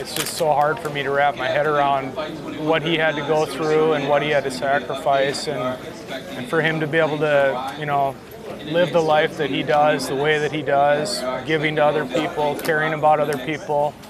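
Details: Adult man speaking; normal speech.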